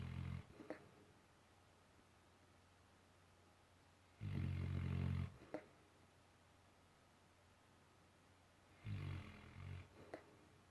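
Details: Sleeping dog snoring and bubbling: slow, deep rumbling snores, about three in ten seconds, with quiet pauses between them.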